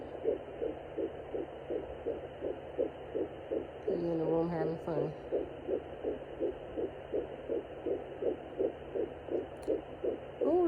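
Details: Fetal heartbeat found with a home fetal Doppler at 10 weeks of pregnancy after earlier failed attempts: rapid, regular whooshing pulses at about 165 beats a minute.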